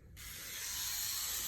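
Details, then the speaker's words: A microneedling pen with 12 needles in its head, used on the face of a woman in her 40s at her first session: it starts up and settles into a fast, steady buzz like an electric toothbrush. "it sounds like my toothbrush it does doesn't it it does"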